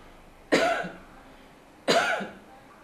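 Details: Woman gives voluntary coughs into a microphone plugged into a laptop for recording by an AI smartphone app being trialled to detect tuberculosis from coughs; voluntary cough.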